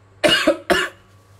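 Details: Cough from a male teacher, hoarse-voiced and ill for a long time, during a live chemistry lecture.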